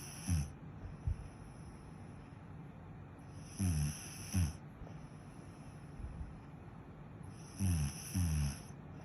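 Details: Ordinary snoring: low, rough rattling snores in paired bursts roughly every 4 seconds, about 15 breaths a minute, over a steady high-pitched background hiss.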